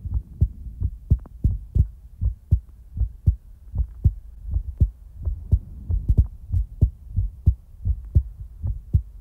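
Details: Steady low paired thumps with even rhythm at about 75 a minute, recorded for ASMR in real time; normal heartbeat.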